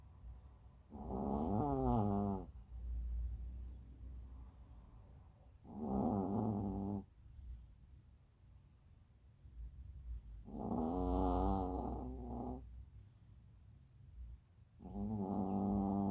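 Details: Molly Marie, a sleeping dog, snoring: slow, rough snores on each breath, about four in sixteen seconds, roughly 13 a minute.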